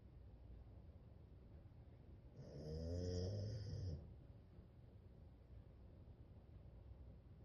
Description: Sidney is back and snoring in deep sleep.